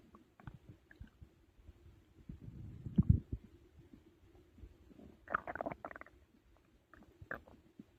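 Irregular low gurgles and rumbles with brief higher squeaks, ordinary bowel sounds of digestion after a large meal.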